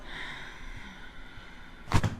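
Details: Quiet room, then a sharp double crack as a left-sided C2 neck segment is adjusted by hand during exhalation in a chiropractic session; joint cavitation.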